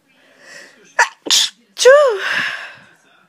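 Quick catching inbreaths, then one loud, voiced sneeze with a rising-falling 'choo'. It is an ordinary sneeze.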